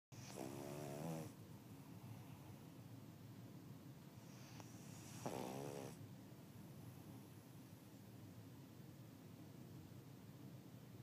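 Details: A dog snoring.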